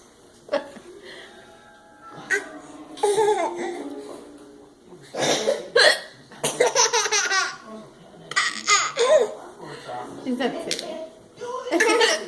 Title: Baby Laughing at Hiccups